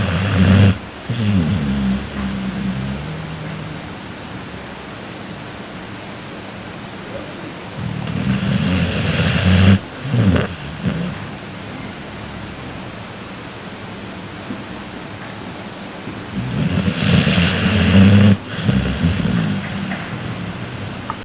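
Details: Snoring: three loud, low, rattling snores spaced about eight seconds apart, with quiet breathing between them.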